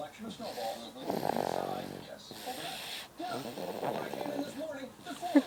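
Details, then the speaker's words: Baby girl snoring loudly in sleep, tongue stuck to the roof of her mouth; snoring. "It's funny. She's snoring epically."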